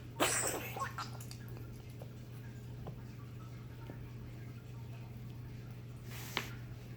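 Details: Pet cat coughing: a sharp, breathy cough burst, followed several seconds later by a second, shorter one.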